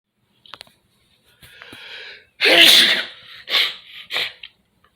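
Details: Early morning in a living room, with nose sniffing and snot: a quick inward breath, then a loud explosive sneeze with two smaller follow-up bursts; sneeze.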